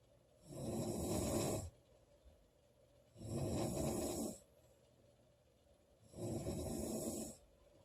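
Loud, rough snores on each breath, about 20 a minute, in a quiet room.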